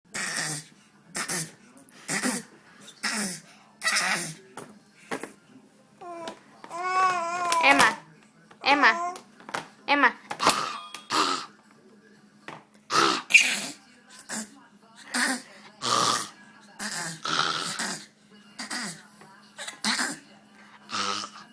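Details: Six-month-old girl makes a rapid series of short, breathy cough-like bursts, a voluntary fake cough, between babbling squeals.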